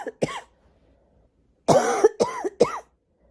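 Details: Voluntary coughing by a girl in a quiet room: two short coughs, a pause, then a burst of three to four voiced coughs.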